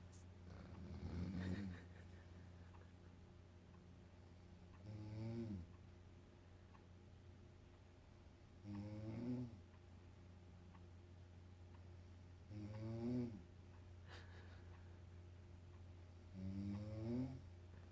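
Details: Mother snoring while asleep in a hotel room: regular low rattling snores on inhalation, about 15 a minute, with a steady room hum behind.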